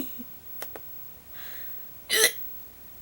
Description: this was me with hiccups.